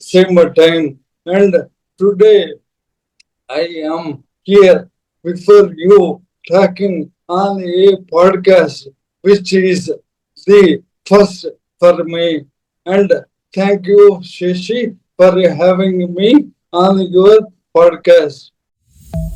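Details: Dysarthria in an adult man: Parkinson's disease from 2022, diagnosed late, very severely affecting speech and mobility; later diagnosed with ALS / motor neuron disease last year.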